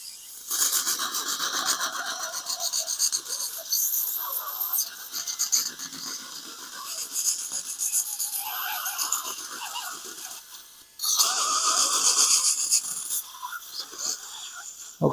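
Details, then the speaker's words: High-pitched whirring and grinding in repeated bursts: 1.5 mm gold pilot drill with extender preparing bone at the tooth 27 extraction site, abscessed, for a 3.75 × 13 mm mono implant in live surgery. "So we're going to put our drill extender on and we're going to use a 1.5 pilot drill, which is a gold pilot drill."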